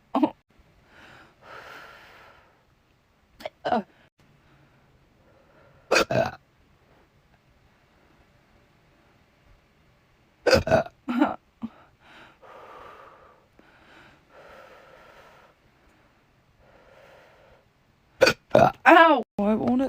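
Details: Recurring hiccups with burps, which the person says happen about once a week and seem painful: sudden sharp hiccup jolts at irregular intervals, some burp-like, separated by quiet breathing and sighs.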